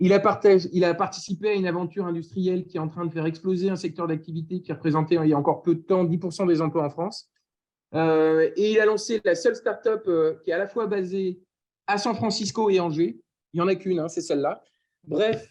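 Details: Adult speaker; normal speech.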